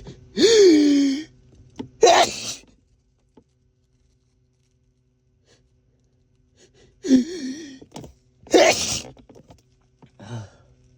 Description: Finally got some time alone to sneeze freely and each one felt AMAZING